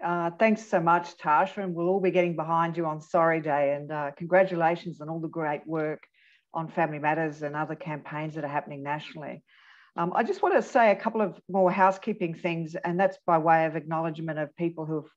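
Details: Adult speaker; typical speech.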